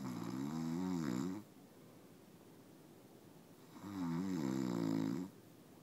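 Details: Adult man (husband) snoring: two long, buzzing snores on the in-breath, about four seconds apart, with quiet between.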